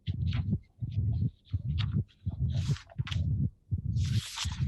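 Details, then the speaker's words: Mitral stenosis patient after physical exercise, now tachycardic at about 80 a minute: increased flow through the mitral valve makes the low rumbling diastolic murmur between beats louder. "as the the patient becomes tachycardic the output will increase the flow through the mitral valve will increase and if the flow through the metal valve increase then uh you as you can easily appreciate the the murmur will increase"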